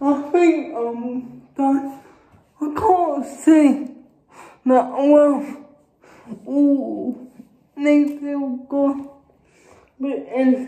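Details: Adult woman with cerebral palsy speaking. Finding: dysarthric speech in cerebral palsy.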